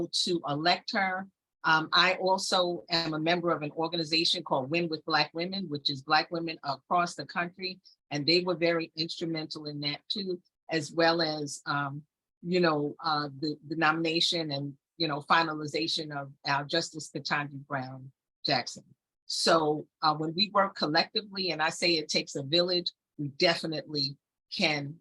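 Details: Adult woman speaking; typical voice.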